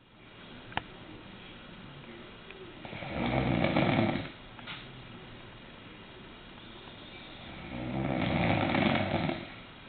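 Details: Loud, long rumbling snores about five seconds apart over quiet room noise, from a sleeping bulldog; snoring.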